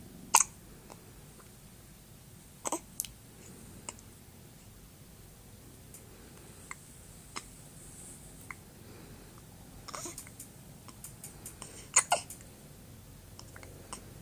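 Quiet room with a few sharp, brief clicking catches spaced irregularly, several within a few seconds, fitting an infant's hiccups.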